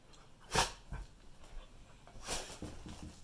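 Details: Dog giving two sharp, explosive sneezes with snorting breaths between them in a quiet room, while chasing a sun reflection from a phone.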